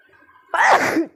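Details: A single forceful sneeze after a quiet moment, shared as a funny sneezing clip.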